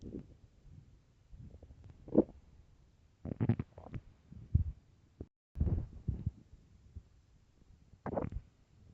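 Loud, irregular gurgling and rumbling bursts from the belly, typical hunger growls of an empty stomach.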